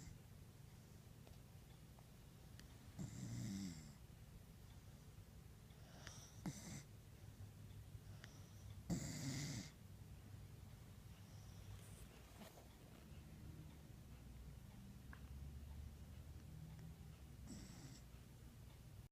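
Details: Rescue dog dreaming and snoring in sleep: soft low snoring with a few louder snorting breaths over quiet room noise.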